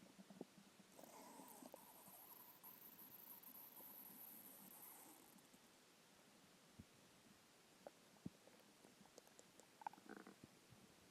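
Faint, drawn-out rumbling followed by scattered soft gurgles and pops over background hiss: stomach growling from hunger.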